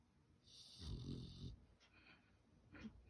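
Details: Sleeping puppy: a loud, low, rumbling snore on the in-breath, then softer snorting breaths; ordinary snoring.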